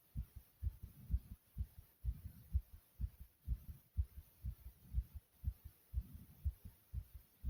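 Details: Self-recorded fast, strong heartbeat with heavy breathing: rapid regular thumps at about 125 beats per minute (tachycardia).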